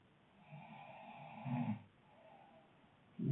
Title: snoring couple